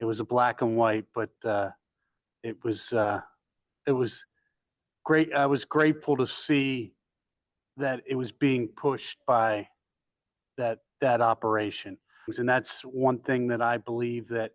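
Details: Male stroke survivor with aphasia, a member of an aphasia support group; aphasia.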